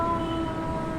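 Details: Adult female patient recorded before voice therapy, saying 'aa' loudly on request; the clinician diagnoses a feeble, soft, high-pitched voice and overall dysphonia.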